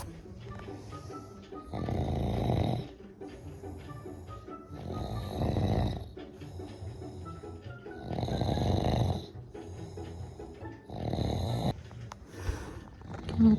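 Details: Husband of a pregnant woman snoring in sleep: loud, rumbling snores recurring about every three seconds over background music; heavy snoring.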